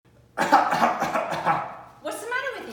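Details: Adult who is not feeling well, at a chiropractic visit: harsh rattling run of coughing followed by a brief voiced sound; cough.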